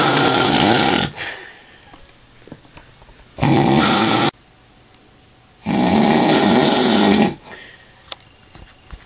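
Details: Three loud, harsh, rattling inspiratory snores separated by quiet pauses, from an adult man sleeping after drinking lots of alcohol; heavy snoring.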